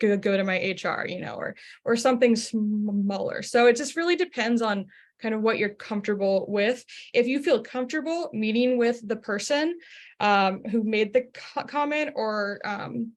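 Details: Stuttering in an adult who identifies as a person who stutters, asking a question during a workplace-focused webinar.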